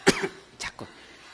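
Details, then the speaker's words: Short dry cough then two softer throat-clearing coughs from a lecturer mid-lecture who attributes it to being physically exhausted. "이게 왜 자꾸 기침이 나오지? 이걸 끌까? 아니야? 잠깐만."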